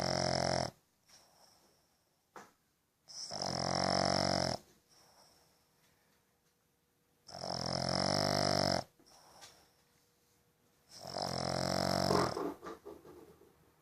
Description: Sydney a two year old rescued Boston terrier sleeping , snoring with her eyes open.